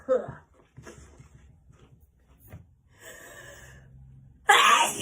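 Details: Simulated (acted) sneeze by a person: quieter breathy sounds, then a sharp, explosive burst of air.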